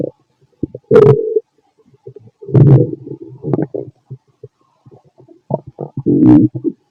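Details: An adult male's stomach, recorded after lunch and a carton of milk, makes loud intermittent gurgles and squeaky rumbles; normal active bowel sounds.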